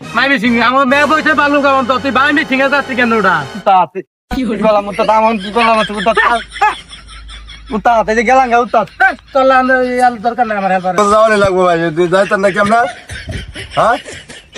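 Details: Acted stuttering by an auto-rickshaw helper calling for passengers in a Bengali comedy skit; stuttering (acted).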